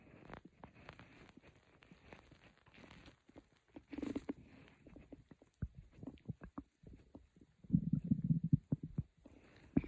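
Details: Soft irregular gurgles and low rumbles with a louder rumble near the end, recorded as quiet growls for sleep; normal stomach growling (borborygmi).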